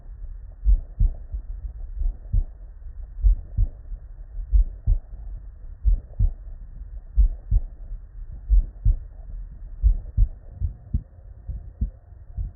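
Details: Real, unedited bedside human auscultation recording from patients with normal cardiac physiology: normal heart sounds, S1 and S2.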